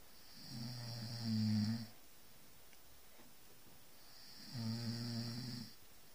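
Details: Two loud, low, rattling snores about three seconds apart, each about a second and a half long, with quiet breathing between them; snoring.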